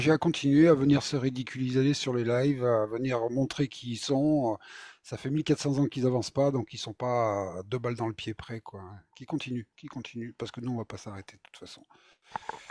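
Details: Adult male speaker; normal voice.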